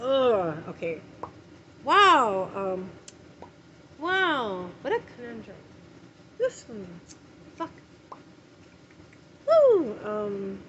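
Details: Adult woman with tics, including physical gestures, jerking and inappropriate vocalizations she tries to suppress; repeated interjections ('wow') and swearing occur mid-speech; vocal tics.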